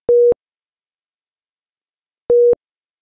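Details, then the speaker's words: Low priority alarm on a HeartStart Intrepid monitor/defibrillator, here an SpO2 non-pulsatile message, indicating a device problem or non life-threatening condition: two short identical mid-pitched beeps about two seconds apart. "low priority alarms indicate a device problem or non life-threatening condition such as this spo2 non-pulsatile message and they appear in this cyan background and sounds like this"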